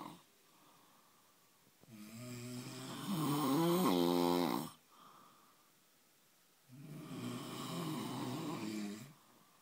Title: The big snore off.